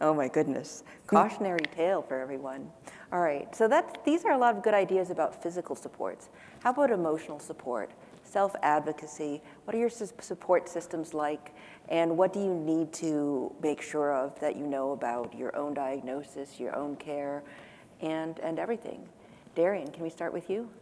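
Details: Adult woman speaking; typical speech.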